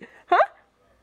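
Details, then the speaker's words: Single abrupt, voiced catch of breath in a quiet room from a little girl who gets hiccups often: hiccup. "what why you got the hiccups you got the hiccups are you going to stay out of the liquor cabinet"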